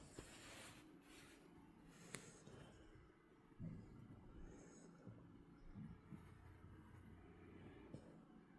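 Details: Quiet, low rumbling snorts recur every couple of seconds over faint room noise: a small dog snoring in its sleep.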